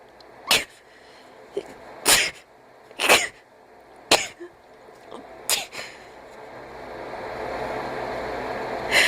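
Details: A cat that is also wheezing and gasping sneezes about six times in quick succession, with sharp explosive bursts and brief pauses between; sneezing.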